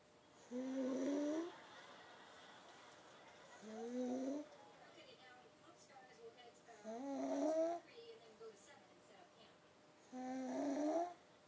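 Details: Afternoon nap: four voiced, groaning snores at a slow, uneven pace, roughly 18 a minute, in a quiet room; snoring.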